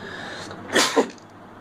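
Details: Baby: one short, sharp burst of air with a quick catch, consistent with a single small sneeze, though the recording is described as baby hiccups.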